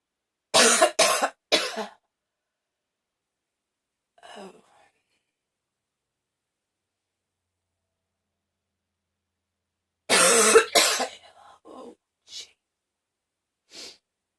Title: Coughing fit! #15